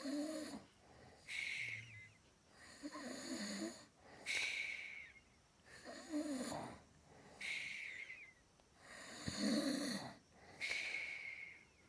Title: Snores like a train this one